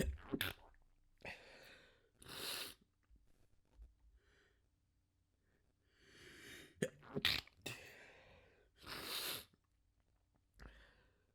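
Several bursts of sneezing, some stifled and some full, with quick breaths in between: repeated sneezes.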